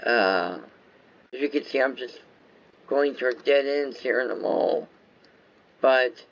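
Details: Adult male whose viral meningitis with very high fever at about six weeks old affected walking, talking, eyesight and hearing; lifelong speech impairment after infant meningitis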